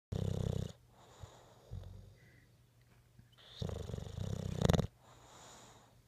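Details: Bulldog snoring while asleep: two loud, low, rattling snores on the in-breath with softer airy breathing between; snoring.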